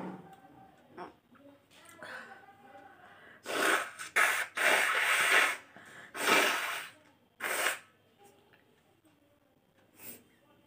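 Four or five loud, forceful sneeze bursts with sharp inhalations between them, in a small room; ordinary deliberately provoked sneezing.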